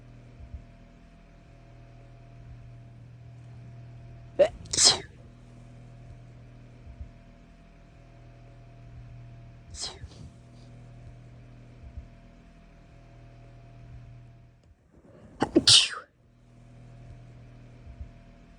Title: Itchy Nose and Tickly Sneezes